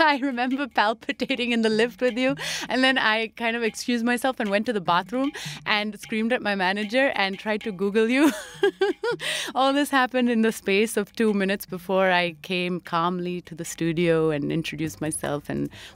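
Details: Adult speaker; typical speech.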